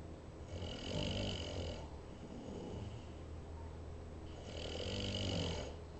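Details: Sleeper in a park yurt giving two low, rumbling snores on the in-breaths, about four seconds apart, with soft, noisy breathing between; snoring.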